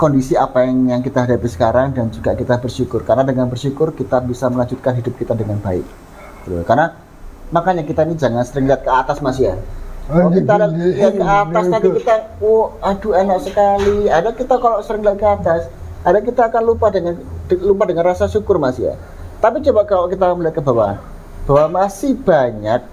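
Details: Adult man speaking Indonesian; ordinary speech.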